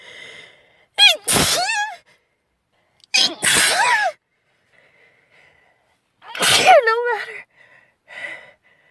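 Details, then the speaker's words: Girl sneezing from a persistent nasal tickle after announcing she is going to sneeze: three separate sneezes, each a sharp in-breath then a loud voiced burst, with quiet pauses. "I'm going try to sneeze the tickle. It can't go away."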